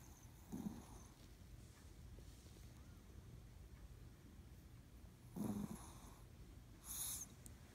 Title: 【犬】可愛いチワワ「いびき」/Chihuahua's cute "Ibiki"